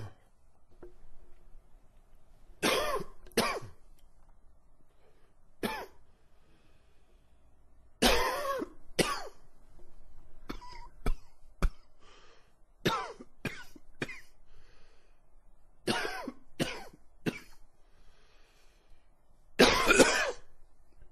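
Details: Adult with spring pollen and weather-related cough gives about sixteen short coughs in clusters, some with a faintly wheezy, rough edge; wheezy cough.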